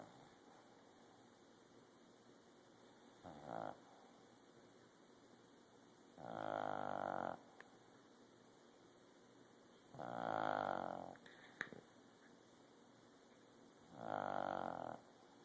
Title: Sunny the dog snoring